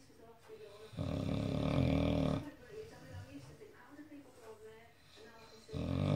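Loud, rough, rattling snores on the in-breath, separated by quieter breathing; typical snoring.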